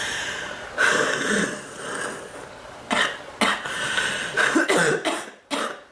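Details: An adult whose cough hurts the back more than the chest, and which seems to be drying up and letting up: a run of about five harsh, rough coughs with throat clearing between bursts.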